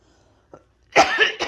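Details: A single harsh cough from an adult, preceded by a faint throat sound, while a pet rabbit reacts with apparent displeasure at the coughing.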